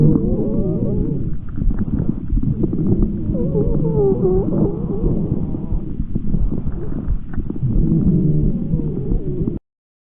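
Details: Adventitious breath sound agreed on by at least 8 of 10 pulmonology specialists: continuous low rumbling breath sounds with wavering musical tones through breathing; exact type unconfirmed.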